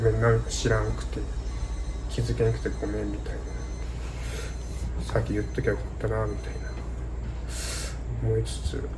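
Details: Adult Japanese man born in 1992 who has stuttered since childhood (became aware at age four), with a grandmother who had a mild stutter and a father possibly affected; stuttering.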